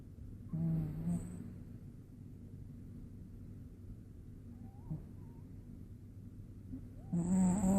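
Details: Cat that started snoring loudly one day, possibly with a mild cold, since recovered: two brief, buzzing breath sounds about six seconds apart over a steady low hum; light snoring while sleeping.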